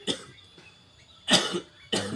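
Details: Cough lasting over three weeks that has not cleared: a throat clear followed by two harsh, separate cough bursts in a quiet room.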